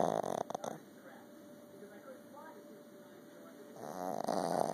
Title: Boston terrier snoring